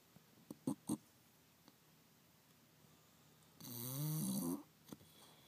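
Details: Bulldog sleeping under a chair next to the heater, twitching: a few short snorting breaths, then one long, loud, rattling inspiratory snore in a quiet room.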